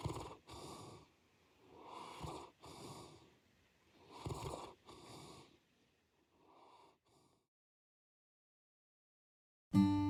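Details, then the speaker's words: A sleeping giant-breed dog snores with rough, snorting breaths in a steady rhythm, then falls quiet. The household's dogs are an 83 kg St Bernard × Bernese male and a 78 kg St Bernard male. "Our house is always filled with the sound of our dog's snoring... It's become background music now, so it's lonely without it."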